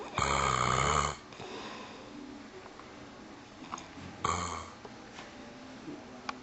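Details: Two people asleep in the living room, snoring: two loud, rough snores about three seconds apart against quiet room noise.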